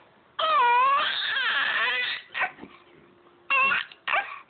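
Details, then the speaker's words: Infant crying, upset at having hiccups: loud, wailing cry in bursts with brief pauses over a faint steady background hum. "Really? Are you pissed off at the hiccups?"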